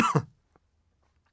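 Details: Acted cough in a tuberculosis awareness scenario: one short, fairly loud cough from an adult man, then quiet, portrayed as persistent for weeks (cough for 3 weeks or more).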